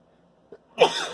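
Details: Sneeze provoked by sniffing chhinkni snuff from a newly opened vial, after trying to hold back: a faint catch of breath, then one sharp, explosive burst with noisy release; a single sneeze.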